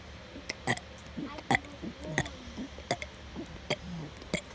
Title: burping